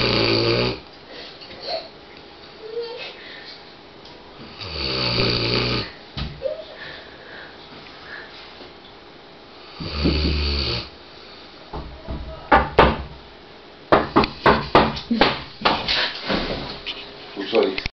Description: our dog bella snoring her head off.